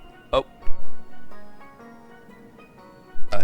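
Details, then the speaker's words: A single sudden, sharp sneeze from the reader over soft background music. "I had to sneeze"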